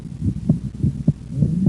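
Regular paired heart sounds, about 105 a minute, with a low steady hum underneath. Heard during breathing in, when the second sound splits into two close parts. This is physiological splitting, a normal finding in which the split appears on inspiration and closes on expiration.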